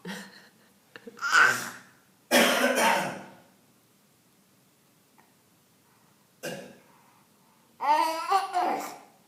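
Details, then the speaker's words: A young boy imitating his dad's cough: several short, playful coughs and throat-clearing sounds between pauses. "Is it silly boy? Then he coughing like that."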